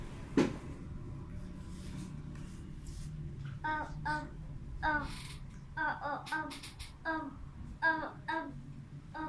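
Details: Child, a class 6 student, with stammering, recorded on day 1 of speech therapy before treatment: stuttering.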